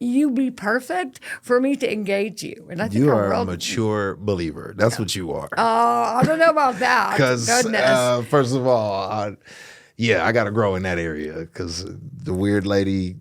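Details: Adult speakers in conversation; ordinary speech.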